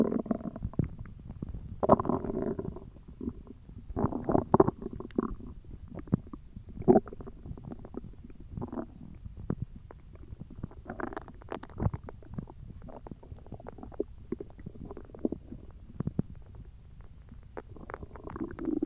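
Continuous low gurgling and rumbling from the belly with bursts of bubbling; ordinary hunger stomach growling.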